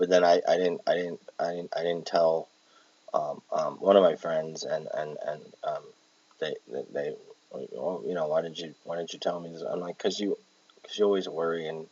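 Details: Palilalia in an adult with Tourette syndrome with echolalia and palilalia traits, recorded while exhausted; repeats words while talking.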